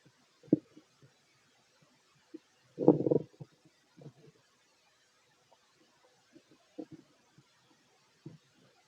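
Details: Fit adult male's stomach while eating a plate of sandwiches, recorded close to the belly: soft gurgles and bubbling pops with one longer rumble; active bowel sounds during digestion.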